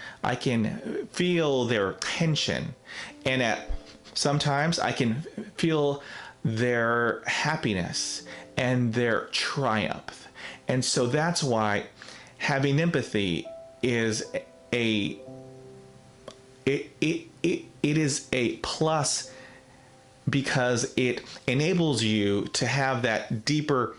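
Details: Adult man, real case, self-described person who stutters; stuttering.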